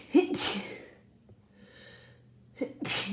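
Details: Rapid sneezing from a cold: two sharp sneezes, each preceded by a quick intake of breath, with a faint sniff between them.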